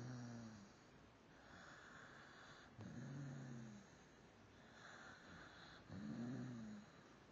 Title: snoring